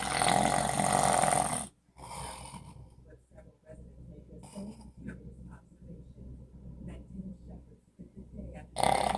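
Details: Snoring from a man who denies snoring: loud, rough snores at start and end, louder than the TV, with quieter noisy breathing between; ordinary snoring.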